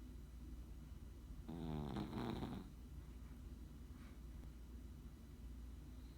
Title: Another snoring chihuahua